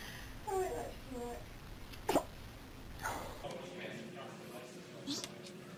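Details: Several short, sharp sneezes from a dog, with faint voices and room noise: sneezing.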